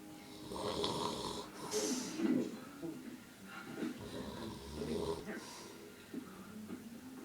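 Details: Old man filmed around 7:40pm: loud, rough, fluttering snores in repeated bursts with faint background sound; loud snoring.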